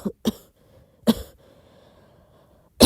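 A few short, soft coughs with throat clearing in a quiet room.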